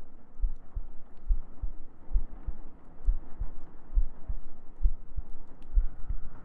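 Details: ASMR sleep-aid recording of soft, low, steady paired heartbeat thumps at about 70 per minute under faint humming and gentle breathing; normal heartbeat.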